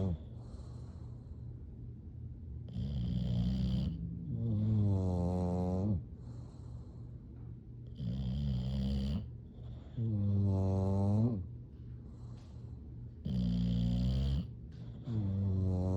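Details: Sleeping bulldogs snoring: slow, loud, rattling snores about eleven a minute, alternating with quieter snuffling breaths.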